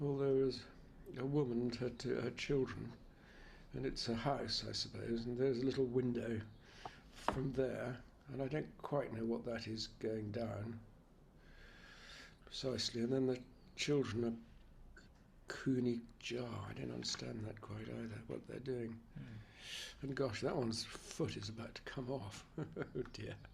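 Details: Recorded patient with semantic variant PPA, left temporal pole atrophy, describing a picture; fluent, grammatical output with naming failure and semantic paraphasias. Finding: semantic variant primary progressive aphasia.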